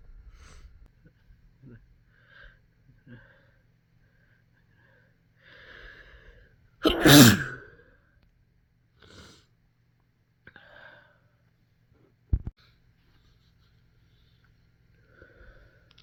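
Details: Induced sneeze in a compilation of some restrained, some into tissues but mostly normal: one loud, full sneeze among quiet breaths, sniffs and small restrained sounds in a quiet room; sneeze.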